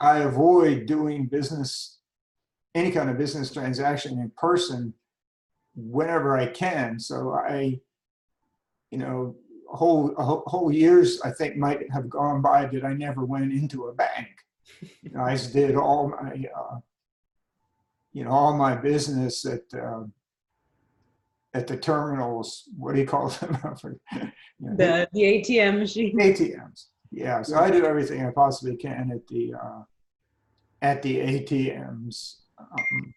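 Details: Adult man with spasmodic dysphonia diagnosed at age 51, managed without Botox through practice and workarounds; talking is tiring and some words such as "yes" take great effort. Finding: spasmodic dysphonia.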